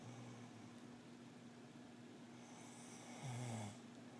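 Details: Snoring: one low, rumbling snore on an in-breath over steady background hiss.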